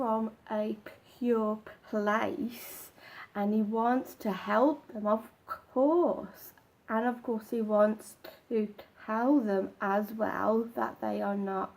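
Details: Adult man with a stammer (stuttering) that becomes more apparent when he does not practise his techniques and slips back into old habits.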